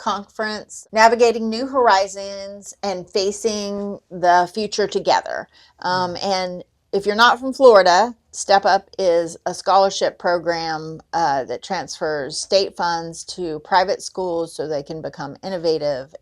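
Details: Adult woman speaking; typical speech.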